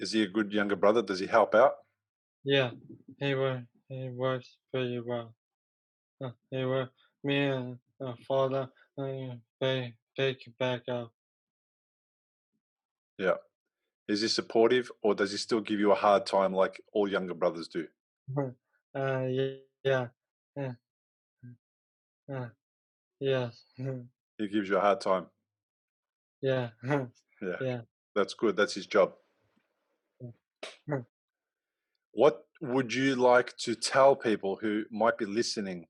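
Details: Aphasia in a young male about 3 years after a stroke from a ruptured arteriovenous malformation at age 15 that caused a coma; a problem getting words out rather than understanding.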